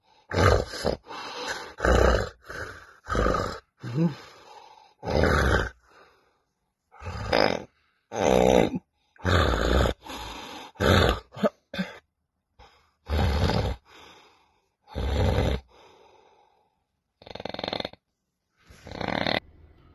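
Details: Loud snoring with obstructive sleep apnoea in an adult patient before surgery, who complained of choking at night, poor sleep and weight gain, attributed to nasal obstruction, large tonsils and a lax soft palate: very loud, harsh, irregular snoring with brief silent gaps.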